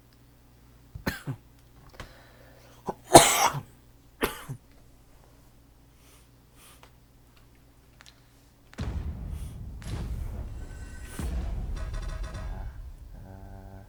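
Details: An adult gives a few short, sharp dry coughs while playing a video game, with game sounds in the background; dry cough.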